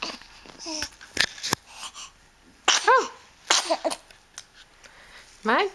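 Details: Infant girl whose vision is developing, her eyes following a hand shaken above her head: sharp, sudden bursts of hiccups mixed with soft cooing, faint adult voice and music behind; hiccups.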